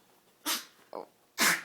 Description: My name is Maggie. I'm a cute yorkie but when I get too excited I sneeze and cough. Thanks mother nature for the short respiratory tract.